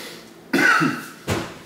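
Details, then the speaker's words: An adult smoking a cannabis joint (Khalifa Mints strain) early in the morning gives two harsh, dry cough bursts in a quiet room; smoke-irritation cough. "Yeah, normally I don't cough this much with a joint. But again, it's not overpowering harsh like most OGs are for me."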